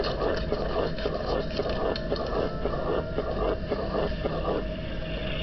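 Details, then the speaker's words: Teaching example of a low-pitched heart murmur: rapid, regular heart sounds with a low, rumbling murmur, typical of large flow across a low pressure gradient. "Here's an example of a high-pitched murmur. Here's a low-pitched one."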